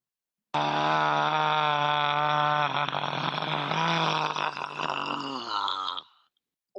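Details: Voice sample recorded before 16 sessions of LSVT voice therapy, presented in a talk on speech disorders in multiple sclerosis; described as a little gravelly, harsh and a little hoarse; dysphonia.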